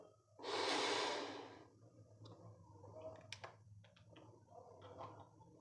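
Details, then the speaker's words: Metered-dose inhaler demonstration: cap removed, shaken, breath emptied, neck straight, mouthpiece gripped between teeth and lips; loud spray hiss as it fires blends into a slow, deep inhalation, then softer breathing. Correct technique. "सबसे पहले cap को खोला। Shake किया। बाहर की तरफ। सांस को खाली किया। गर्दन सीधी। माउथ पीस को दांतों के बीच में रख के होठों से ग्रिप किया।"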